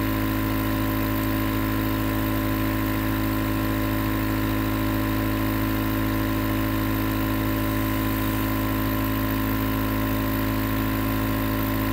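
Steady, unbroken motor hum with a constant hiss, the continuous running sound of a nebulizer compressor.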